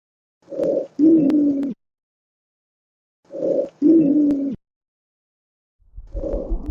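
Brief, low, musical squeaks that repeat with each breath, mixed with a few crackles. These are squawks, typical of allergic alveolitis.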